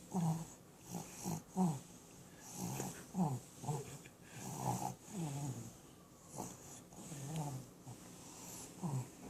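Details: Female dog snoring with her eyes open: rapid snorting, wheezy breaths in short repeated bursts through nose and throat; noisy snoring.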